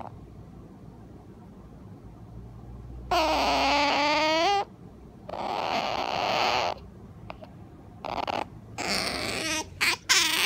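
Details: Sleeping Asian small-clawed otter giving loud, squeaky calls and hissy, breathy bursts between quiet pauses: sleep vocalizing.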